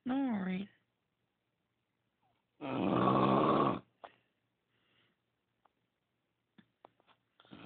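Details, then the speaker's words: Loud, rough, buzzing snoring breaths in a sleeping female, recorded in a very dark room, with quiet pauses and faint clicks between; loud enough to keep a bed partner awake: snoring. "Beau this is snoring"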